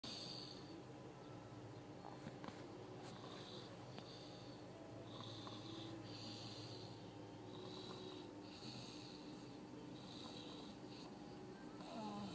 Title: Guess who is snoring?!? It isn't who you think it is!